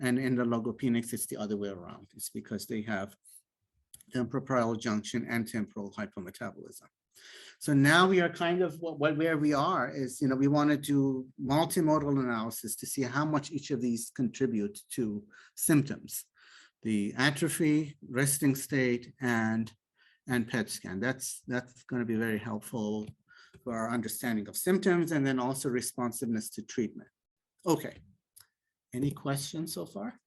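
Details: Adult male presenter; typical speech.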